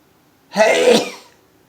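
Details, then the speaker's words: Adult man sneezing in the morning after waking, about 40 sneezes so far, many in rapid multiples: one loud voiced sneeze lasting under a second. "so Hey gesundheit alright I think I've already sneezed like 40 times including the multiples"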